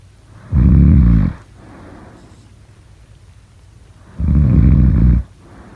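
Two loud, low, rattling snores on breathing in, about 3.6 seconds apart, with quiet breathing out between them. This is snoring.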